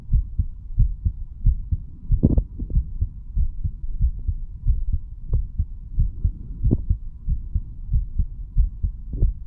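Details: Self-recorded stethoscope heart sounds of a standing 35-year-old man over mitral, tricuspid, pulmonary, aortic and right ventricular areas; valves opening and closing nicely; normal heart sounds.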